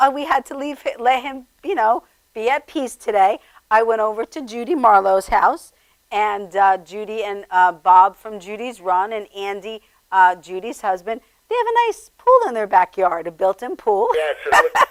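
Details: Adult woman speaking; normal speech.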